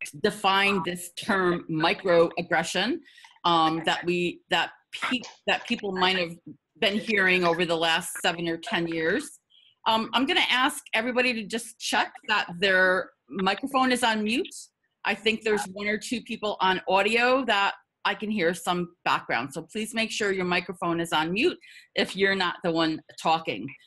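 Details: Stuttering in an adult woman who stutters; repetitions are audible.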